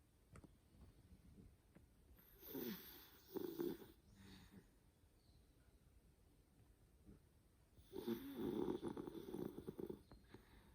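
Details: Soft, rough snoring breaths from a sleeping black dog, a few noisy bursts separated by quiet stretches, in a quiet room.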